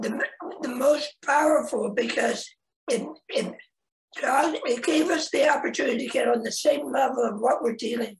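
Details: Adult man, cancer survivor after laryngectomy (voice box removed), speaking with post-laryngectomy voice restoration; laryngectomy voice.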